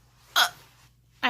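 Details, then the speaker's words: Two sharp, abrupt voiced hiccups about a second apart in a quiet room, from an adult with multiple sclerosis who reports hiccups daily, several times a day, since childhood. Recurrent hiccups. "I get hiccups as a kid and now we'll get him all the time like everyday maybe a few times a day and to the point where my teacher would tried various experiments on me to see you what would stop and what would not stop the hiccups"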